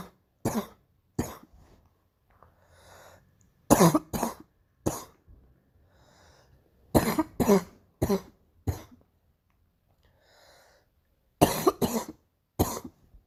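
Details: Repeated bouts of harsh coughing, about fourteen coughs in clusters of two to four with short breaths between; a painful morning coughing spell.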